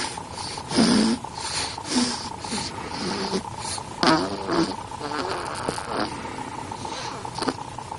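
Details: Ten-day-old snoring during sleep: short, soft snorting snores repeating every second or so, with a steady hum in the room.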